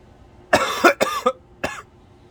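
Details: Smoker sick with a bad, deep, congested cough, improving, coughing while smoking: four harsh, forceful cough bursts in quick succession with rough, congested quality.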